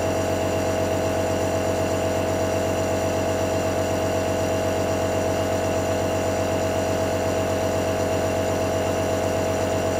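Steady, loud mechanical hum and buzz from a running nebulizer compressor, unchanging throughout.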